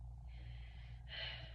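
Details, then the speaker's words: Female patient, stethoscope on anterior chest (left upper, left lower, right lower, right middle lobes) during a respiratory assessment; one full mouth breath, soft inhale then louder exhale, no added sounds, normal breath sounds. "I'm going to go ahead and do the same thing on her back. So on her back, I'm only listening to four loes."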